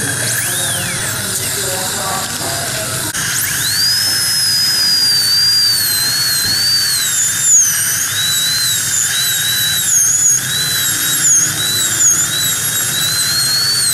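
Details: High-pitched whining high-speed dental drill rising and dipping in pitch as it cuts, during crown abutment preparation using a gingival protector, faint room talk.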